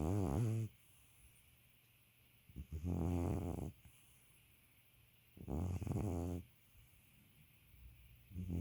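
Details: Old man snoring: loud, low, rattling snores on each breath, about 21 a minute, with quiet pauses between and steady room hum; snoring.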